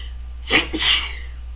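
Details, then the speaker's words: Single muffled, partly suppressed adult sneeze: brief intake then a stifled burst of air the person tried to hold back, over steady low room hum. "sorry I tried to hold that one back well I guess that's it for now"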